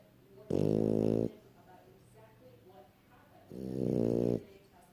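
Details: Bowser snoring while asleep: two loud, buzzy, rattling snores about three seconds apart with quiet breathing between; ordinary snoring.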